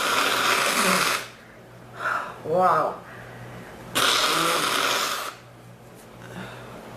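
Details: Two long harsh rasping bursts with a shorter voiced cough between them; a repeated forceful cough that the patient says hurts the back more than the chest, comes and goes, and seems to be drying up.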